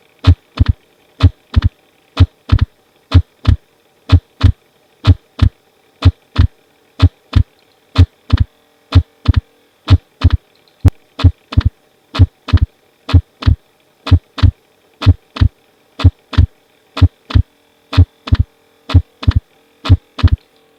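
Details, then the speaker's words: Pediatric teaching recording: regular heart sounds near 62 per minute with wide splitting of the second heart sound, over a steady hum. "لكن هنا لو حصل وايد سبليت في السكند هارت ساوند ده بيحصل مع مين مع الرايت بندل برانش بلوك"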